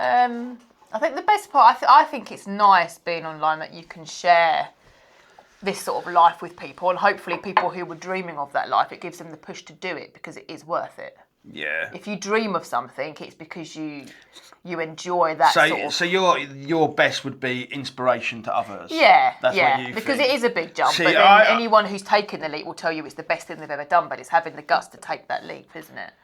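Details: Adult speakers in conversation, indoors; ordinary conversational speech.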